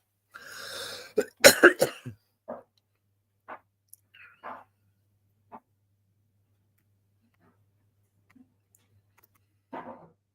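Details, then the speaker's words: An adult man gives a cough that he attributes to dust from the loft getting into his chest. "Damn, I must must get picked up the dust from the um loft earlier on getting into my chest."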